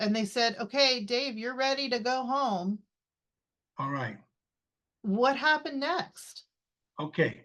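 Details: Adult speech, possibly two speakers; typical speech.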